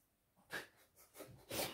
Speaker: Je ne sais pas si vous entendez, mais il y a mon chien qui ronfle.